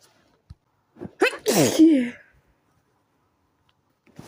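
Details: Single sneeze at midnight while trying to sleep, from a sensitive nose: a brief inward gasp building into one loud, forceful sneeze, then quiet.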